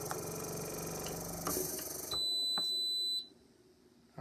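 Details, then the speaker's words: Portable oxygen concentrator set at 3 L smart dose being switched off: running noise stops, followed by a high steady beep of about a second at shutdown. "When I turn this off and I turn it back on, I should be on 3 L smart dose. So I'm going to turn it off."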